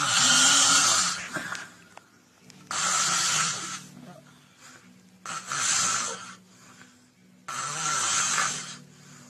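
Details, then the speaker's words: Simple snoring: four loud, rasping snores at a steady rhythm of about 23 per minute, with quiet breathing between and no pauses. "ايوه اهو، ادي سقف الحلق ارتفع لفوق، اللسان ارتفع لفوق، العيان كده شخير وداخل في انقطاع التنفس."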